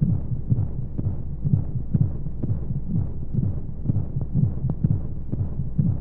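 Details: Womb sound played as a sleep aid for babies: soft, muffled low thumps at roughly 125 a minute under a steady whooshing hiss of white noise; a heartbeat as heard from inside the womb.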